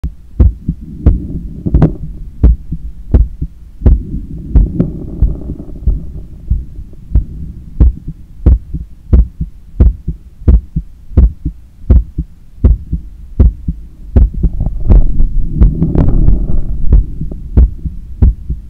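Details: Own heart sounds via stethoscope after a 10 km run, lying on a daybed on the left side while trying to control breathing: strong, fast beats at about 90 a minute with breathing noise between; normal post-exercise heart sounds.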